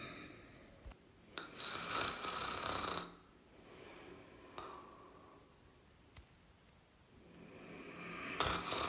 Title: Snoring sounds (1 Hour)